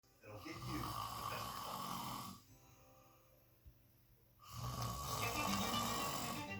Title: Snoring duck sleeping again!!